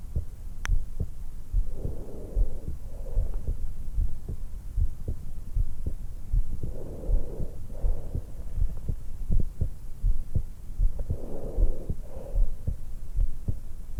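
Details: Resting heart sounds with slow, soft breathing at about 77 bpm, recorded from a 20-year-old woman lying supine in bed just after waking, stethoscope microphone over the suprasternal notch at the base of the neck; normal heart sounds with breath sounds.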